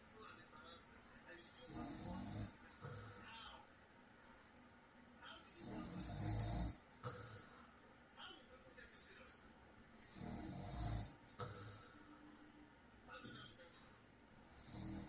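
Soft, rumbling snores about every four seconds over faint room noise: snoring during night sleep.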